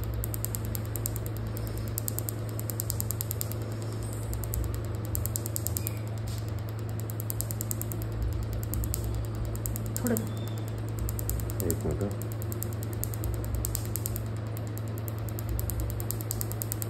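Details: Tattoo removal session: steady low motor buzz with rapid fine ticking from a tattoo machine running.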